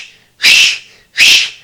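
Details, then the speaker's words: Doppler arterial blood pressure measurement: as the cuff is slowly deflated, blood flow returns. The first flow sound marks systolic pressure. Two rhythmic whooshing pulses at roughly 80 a minute are heard from the Doppler speaker. "Então, basicamente, o que que a gente vê? a gente ouve, melhor dizendo, ele vai tá ouvindo lá o fluxo de sangue."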